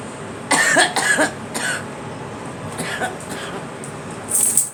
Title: Girl coughing